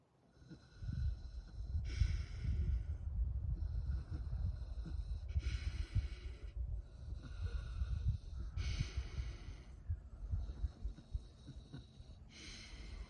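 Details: Pasture-raised pig snoring while asleep outdoors: repeated low, raspy breathing and grunting snores, with steady insect or outdoor noise behind.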